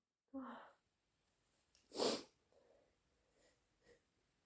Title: Inducing with chhinkni, thick sniffles and blows